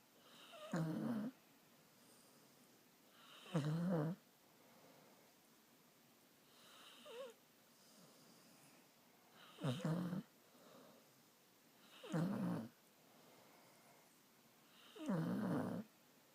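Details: Snoring while asleep with her head on someone's shoulder: rhythmic low, rattling snores on each breath, about 21 a minute, in a quiet room.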